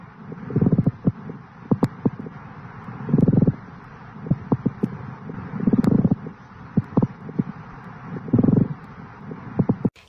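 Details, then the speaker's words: Pleural friction rub through a stethoscope in a respiratory assessment demonstration: rough, dry, grating bursts with each breath as inflamed pleural surfaces rub. "a plural friction rub is a continuous dry grating"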